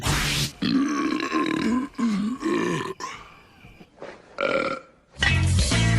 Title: Male burps in TV series and movies.